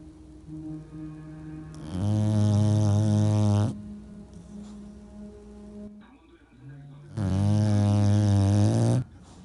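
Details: English bulldogs sleeping and snoring: two long, loud, droning snores with a humming buzz about five seconds apart, over quieter snoring.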